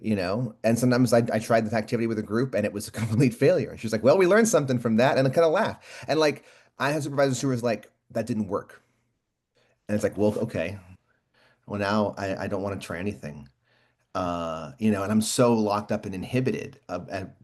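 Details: Speech-language pathologist who stutters, speaking naturally on a panel; stuttering.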